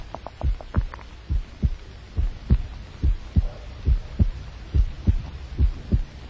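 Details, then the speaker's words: 1930s science film: deep, regular drum-like thumps at about 70 a minute over a low hum, a human heartbeat amplified, described as a million times. "does this sound like the rhythmical beat of a jungle drum actually it is the sound of a human heart which science can amplify a million times"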